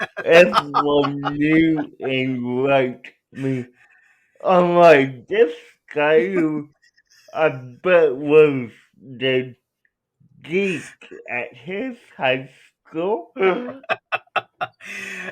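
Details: Adult male speaker; dysarthria (cerebral palsy).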